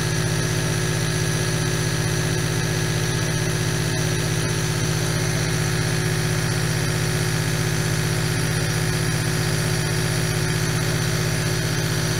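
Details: Steady low motor hum with a fast pulsing buzz: a nebulizer compressor running continuously making aerosol, from an 8-hour ASMR recording.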